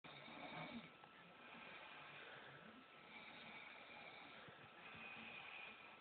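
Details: Person asleep, snoring: soft, steady, breathy snores in slow cycles over a hissy background; ordinary snoring.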